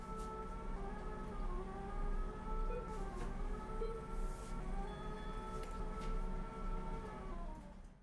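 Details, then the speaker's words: Phacoemulsification in a 60-year-old woman with hypermature Morgagnian cataract, emulsifying freed nuclear fragments at the probe: steady electronic machine tones rising and falling in pitch over a low hum. "these two adjoining pieces when they come together to the phaco probe, the phaco probe is destroying the bridge which is holding each of them."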